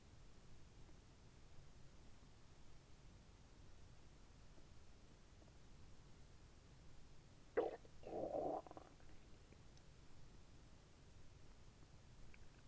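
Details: Quiet background with one brief gurgle and a short squelching rumble: bowel sounds during abdominal moxibustion at three sites, midway between navel and epigastrium and on either side of the navel.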